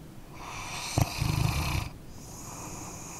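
A low, rattling snore on the breath in, with a brief snort at its start, then quiet breathing. Ordinary snoring in a sleeping dog.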